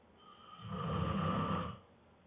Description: after a long day of work he was exhausted, and immediately started to snore!